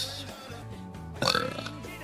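A long, loud, rumbling belch over background music.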